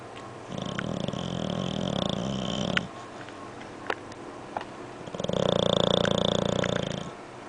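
Two long, loud, fluttering snores with a pause between, and a few clicks; dog snoring.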